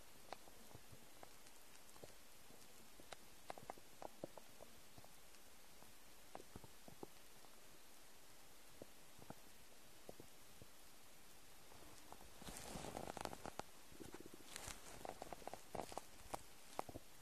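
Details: Empty-stomach noises: faint clicks over a steady low hiss, then a brief burst of gurgling near the end; stomach rumbling (borborygmi).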